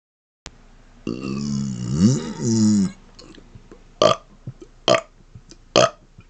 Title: Closed Mouth Burps Mixed With Rapid-Fire Burping #1